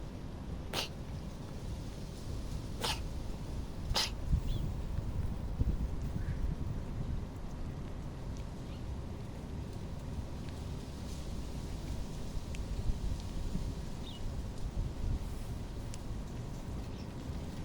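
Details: A cat sneezes three times in quick succession over a steady low background rumble.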